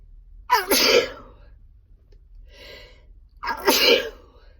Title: Lunch break car sneezes day 2